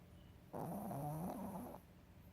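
A single soft, wavering snore lasting just over a second, in a quiet room.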